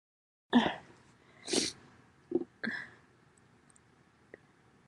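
A few loud, abrupt sneeze bursts with sharp explosive releases, separated by short pauses in a quiet room.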